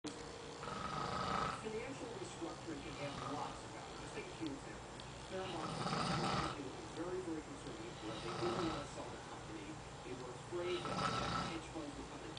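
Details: Person snoring at night during a 2007 multi-day ride: rough, rumbling snores on each breath in, about 12 a minute, fairly irregular, over steady room noise.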